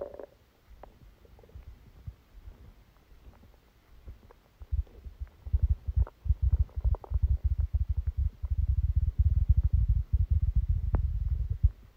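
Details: Low, irregular bubbling and rumbling that builds into frequent gurgling bursts: borborygmi during a stomachache after Christmas dinner, recorded while the person slept.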